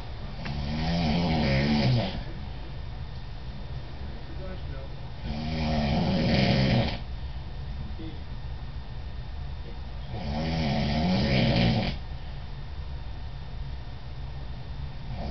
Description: This is my dad snoring, it was shot in Washington D.C.